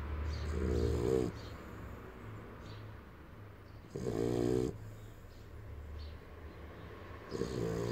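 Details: Very loud snoring during sleep: rattling snores on each in-breath, about three in eight seconds, with quieter breathing between and a low steady background hum.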